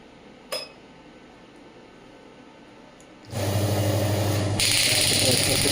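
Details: Biotronix pneumatic radial extracorporeal shockwave therapy device started on the operator's hand at a low setting of four to six, of a maximum of 12 bar. A click, then a loud rapid buzzing pulse train of about 200 strikes a minute.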